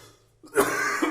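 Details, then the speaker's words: Adult with congested lungs and a slight wheeze, using hot sauce, salt and humidity to clear the airways: one harsh, forceful cough trailing into a throat-clearing rasp, dry and unproductive. "It really does no good to cough right there because the hang wasn't happening."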